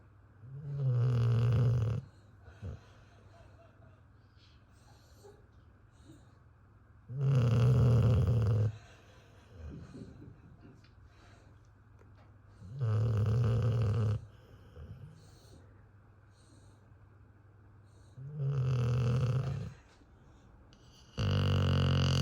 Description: My beautiful and slightly moody American Blue staffy snores louder than my husband!